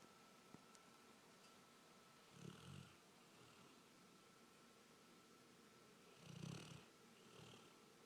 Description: My golden retriever kobi snoring after a hard days work